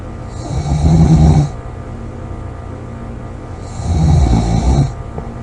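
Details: Loud snoring recorded July 26 2017: two loud, coarse, rattling snores on breathing in, separated by quiet pauses, with a steady background hum.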